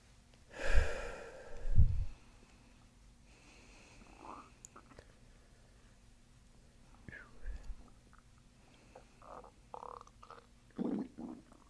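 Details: Borborygmi during a chiropractic abdominal session, patient belly breathing: deep, loud gurgling rumbles, then softer bubbling gurgles over quiet room noise; normal bowel sounds.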